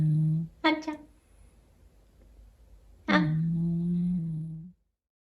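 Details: Snoring from a sleeping 9 kg overweight rescue cat: low, steady, hum-like snore tones on each breath with quiet pauses between, in a small quiet room.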